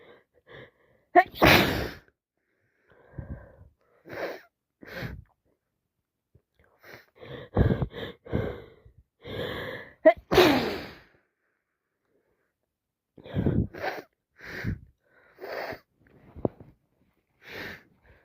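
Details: Repeated sneezing in a person with a cold plus sinusitis and a blocked nose who can't stop sneezing: sneezes with sniffs and breaths between them in a quiet room.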